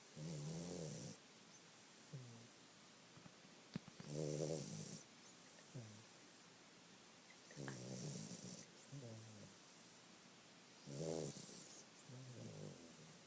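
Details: A sleeping dog snoring: soft, rattling snores with quieter whistling breaths between, roughly one snore every three to four seconds.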